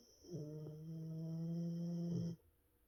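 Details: Single long, low, steady humming snore from a sleeping dog; an ordinary harmless snore.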